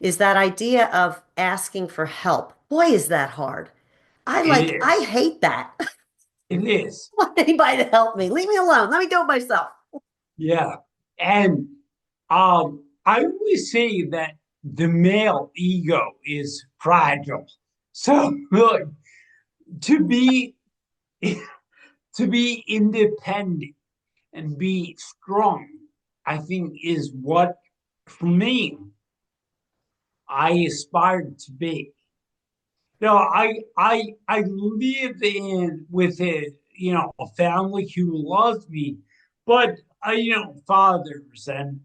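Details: 45-year-old man with degenerative ataxia and cerebral atrophy, diagnosed in 2013 or 2014, affecting movement, balance and speech. His speech has been changing since about 2020 as the disease progresses. Ataxic dysarthria.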